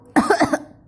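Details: Mother coughing and sneezing, Qutby laughing; a single short, harsh adult cough burst, then quiet room noise.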